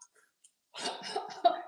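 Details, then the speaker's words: Simulated cough: a doctor imitates someone with pneumonia or respiratory failure coughing out inhaler medicine; silence, then a short burst of harsh hacking coughs with throat noise. "But I think that if you're coughing, hacking, you've had a pneumonia, you've had respiratory failure, you're on oxygen, you can't breathe, you're miserable, using making you use an inhaler would be completely like coughing it out, which is exactly what we don't want you to do."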